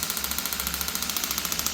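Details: Rapid regular mechanical tapping, about 12 pulses a second, from a radial pressure-wave (EPAT) shockwave device with a scraper-type applicator, used for fascia release and soft-tissue work.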